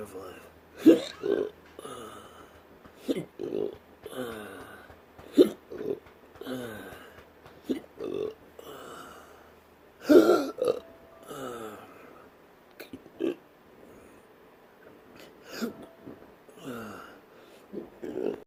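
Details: Repeated short throaty belches every one to three seconds, some partly suppressed, accompanying intractable hiccups present since 2015 after surgery, recorded around a physical therapy workout.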